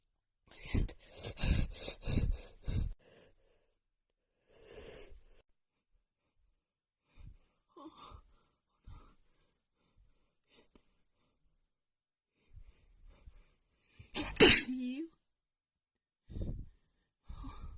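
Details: Female, itchy sneeze attack: rapid run of about five sneezes, quiet sniffs and breaths, then one loud sneeze with a vocal tail; sneezing fit.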